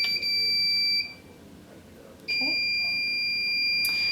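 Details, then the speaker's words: Heska veterinary fluid pump switched on with the on button: two sustained high-pitched electronic tones separated by a brief pause, the infusion pump power-on tone. "so now to turn it on you hit the on button"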